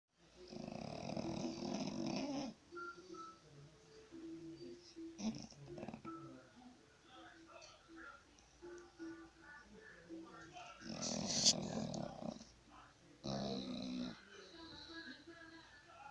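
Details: Snoring: two rough rattling snores several seconds apart, with quiet room noise and faint background sounds between them.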